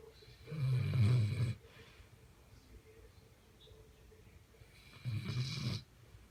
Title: Catahoula leopard snoring